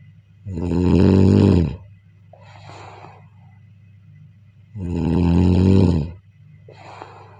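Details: Two loud, groaning snores on in-breaths, each followed by a breathy exhale, about 14 breaths a minute, recorded during sleep: ordinary heavy snoring.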